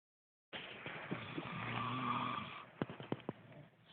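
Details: Sleeping male, described as tired after a long day, snoring while a bystander talks. One long, rough, rattling breath followed by a few short snorting bursts; snoring.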